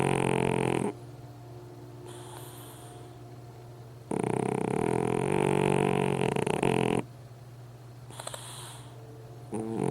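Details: Pug, a flat-faced dog, asleep: loud, rattling, buzzy snores with a growl-like flutter, alternating with quieter breaths over a steady low hum; snoring.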